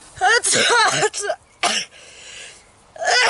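A quick series of forceful voiced sneezes with sharp bursts and short gasps between; an allergic sneezing fit.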